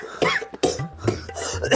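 Three or four loud, harsh cough bursts from an adult, acted for comedy, with faint background music.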